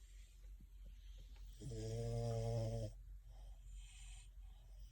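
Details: French bulldog sound asleep, dreaming with eyes fluttering and twitching while cuddling another dog: a single loud, deep snoring breath with a rattling low buzz, then quieter breathing noise.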